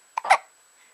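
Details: A single sharp, abrupt catch followed by a brief small voiced squeak in a quiet room: an infant hiccup.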